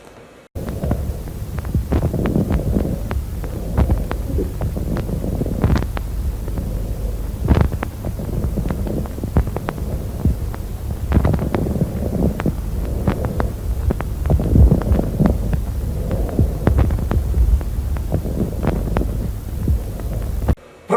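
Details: Crepitation played in a lung auscultation lecture, in the context of a zone of dullness: breath sounds through a stethoscope with many fine, brief crackling clicks scattered over the breathing.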